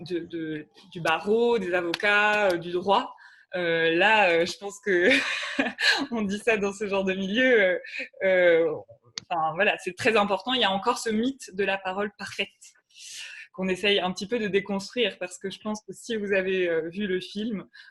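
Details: Adult woman speaking French; normal speech.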